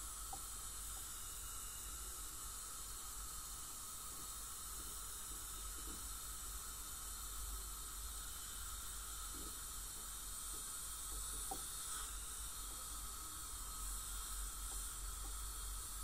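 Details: Teeth cleaning by a dental hygienist on a patient with heavy plaque and tartar, possibly scaling with gingival inflammation or full-mouth debridement: steady hiss of water spray and suction with faint scraping clicks during dental scaling.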